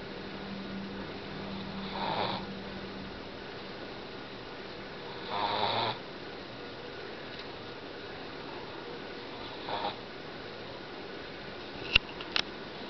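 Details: A Boston terrier, a short-nosed dog, fighting off a nap: three rough, snorting snores on breathing in, a few seconds apart, over steady room noise; snoring.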